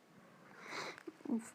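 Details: A short, noisy sniff through a stuffy nose, then brief squeaky, wet catches: sniffling with nasal congestion.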